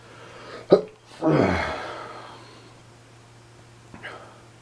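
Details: Allergy sneezing, possibly from dust or pollen (cause unsure): a sharp catch of breath, then a forceful sneeze that trails off, with a small sound afterward in a quiet room.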